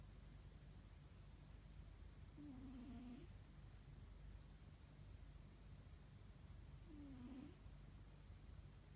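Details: Sleeping cat snoring: soft steady low rumble with a brief whistling squeak on each breath about every four to five seconds.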